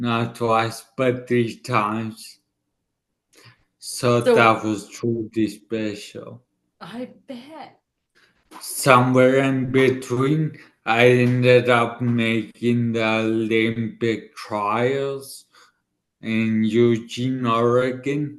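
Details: 40-year-old man about two years after a right-hemisphere ischemic stroke affecting his left side and part of his tongue and mouth, who relearned to speak: dysarthria after stroke.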